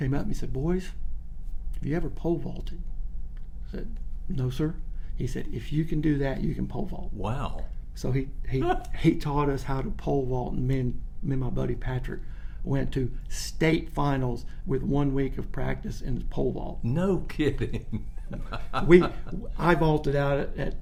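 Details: Adult man with childhood-onset stuttering, severe in childhood and largely outgrown, with mild residual stuttering when nervous or unfocused, followed by self-correction; stuttering.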